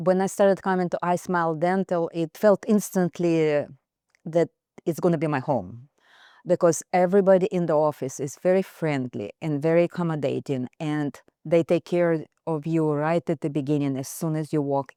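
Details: Adult woman speaking; typical speech.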